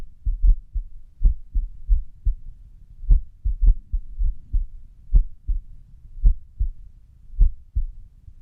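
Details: Resting heart sounds with an irregular rhythm, recorded at rest: low, dull thumps with uneven gaps, some early or close together, then longer pauses; arrhythmia.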